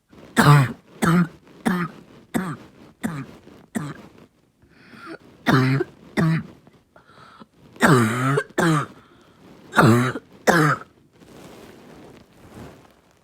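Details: Child's barking cough: repeated harsh, low, barking coughs in runs with short pauses, croup-like.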